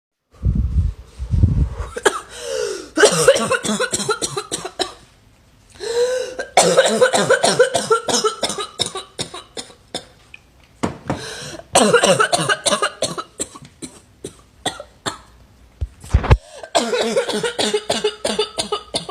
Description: This poor girl has a barking cough that sounds cute & sexy. Her coughing is really bad as she coughs lots of times just in once breath.